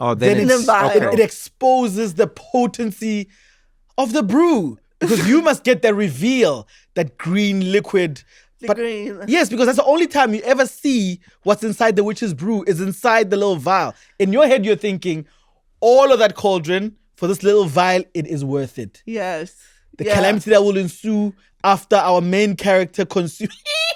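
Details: Adult speakers in conversation; normal speech.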